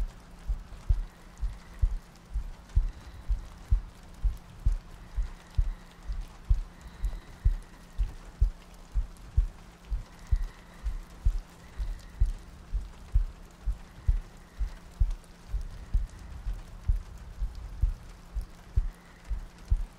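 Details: ASMR sleep-aid loop with soft breathing and rain ambience: steady soft low heartbeat thumps at about 64 beats a minute, with rain and faint background sounds.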